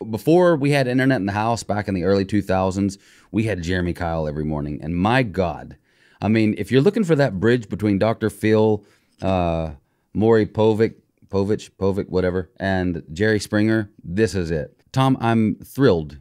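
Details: Adult male speaker; normal speech.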